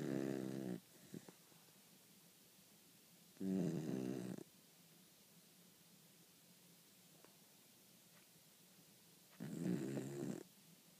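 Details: Three loud, rattling snores from a sleeping dog, spaced several seconds apart, in a quiet room.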